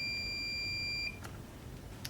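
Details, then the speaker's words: Zen-O lite pulse-flow portable oxygen concentrator powering on: steady high beep about one second, then faint clicks and room hum as the unit starts its self-check. "And I'm going to show you that there's a power button here that we're going to press. And we press the power button,"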